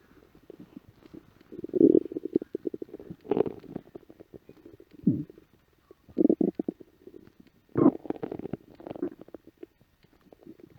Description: Home after work, empty stomach after a light lunch. My stomach let out some big growls.